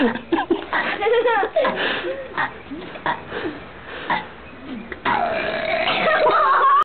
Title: Burp Frog